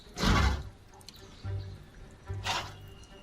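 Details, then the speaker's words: A zoo-kept female moose, normally healthy and vocal, with an intermittent cough heard almost daily gives two harsh, breathy coughs about two seconds apart. Keepers note coughing is abnormal for a moose. "This is what it sounds like when a moose coughs. (coughing) Coughing isn't normal at all for a moose."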